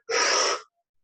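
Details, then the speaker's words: A quick, deep, noisy mouth inhalation, demonstrated as the rapid full breath in that starts a spirometry forced expiratory maneuver. "aí eu demonstro se ela vai puxar o ar bem fundo rápido"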